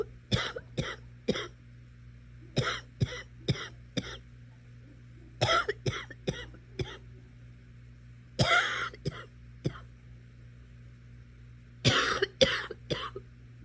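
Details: Repeated coughing while watching Netflix: five bouts of short, sharp coughs, about twenty in all, over a steady low room hum.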